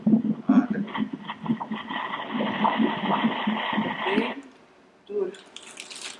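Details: Fetal heartbeat on Doppler at 34 weeks of pregnancy, heard during a 3D ultrasound and Doppler exam while the mother has a training contraction: rapid, rhythmic whooshing pulses at about 136 a minute, a normal fetal heart rate.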